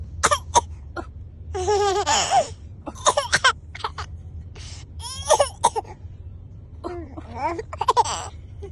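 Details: A few short coughs from the mother, each followed by her baby girl's loud, giggling laughter.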